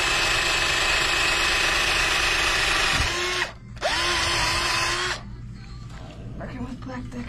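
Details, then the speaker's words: A high whining cannulated surgical drill runs steadily, pauses briefly, then runs again and spins down, boring a hole for a 25 mm anchor in foot bone during posterior tibial tendon transfer on a cadaver. "Now we would take the drill and go over this. So this is a cannulated drill, and depending on the length of your anchor, you'll determine on how far you drill."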